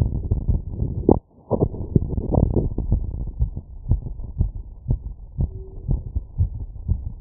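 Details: Rapid heartbeat, about 120 beats a minute, heard by stethoscope membrane (100–1000 Hz) after running 2 km in 10 minutes; sinus tachycardia after exercise.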